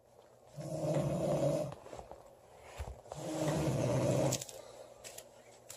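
Two long, loud, rough rattling snores on the in-breath, about 23 breaths a minute.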